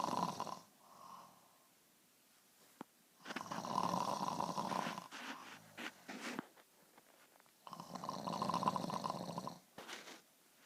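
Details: Woman snoring, described as unhealthy sleep; her doctor put her on an oxygen machine to help her breathe while sleeping. Three long, rough snores in about ten seconds, with quieter breaths between.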